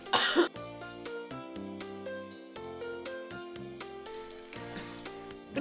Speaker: एक कॉर्ड उसी खांसी प्रश्न शुरू हो गई